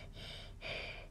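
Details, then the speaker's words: Young girl lying down, breathing in slowly and deeply while her chest is listened to with a stethoscope: one slow, airy deep breath in and out, normal deep breathing. "Listen to your breathing. That's it. There, have a listen with this. Big breaths in there. That's it, nice and slowly."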